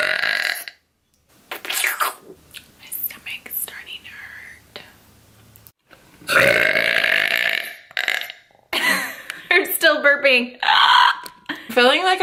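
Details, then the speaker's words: Burping competition among young women: several loud, drawn-out belches from more than one person, with laughter and talk between them; burping. "that I'm a better burer than you sorry sorry not [Applause]"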